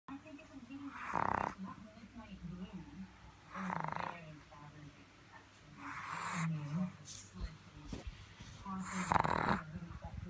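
Four loud, rasping snores in about ten seconds, roughly 24 breaths a minute, with snorting between them: a pug snoring.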